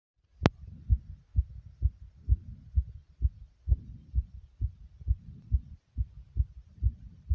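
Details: Heart pounding hard inside the chest: strong, regular, fast low thumps at about 130 beats a minute.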